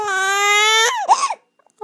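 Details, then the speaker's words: 7½-week-old infant crying angrily with hiccups; a loud, sustained, high-pitched wail breaks into a short sobbing catch, then stops. "I know you hate those hiccups oh oh you don't like the"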